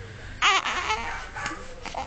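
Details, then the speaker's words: Infant awakening and fussing, which the mother attributes to hunger: a short whimpering wail with her soothing voice nearby; ordinary infant crying. "Ay, ¿por qué quiere llorar? Ya te voy a cargar, chiquito hermoso."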